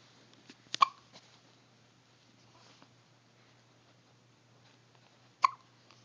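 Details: Two sharp, abrupt hiccups about five seconds apart over quiet room noise: hiccups.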